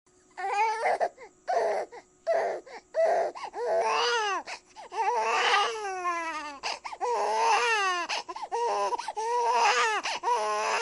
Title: Baby Cry Sound Effect 1098